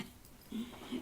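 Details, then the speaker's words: Small dog with a vet-diagnosed collapsing trachea, not a lung problem; worse when walking. Two brief, low, pig-like honking snorts on breathing. "he gets that what's called a collapsing trachea where they make that sound when they breathe it's not in his lungs"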